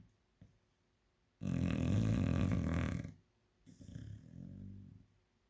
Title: snoring chow 😴 🇬🇧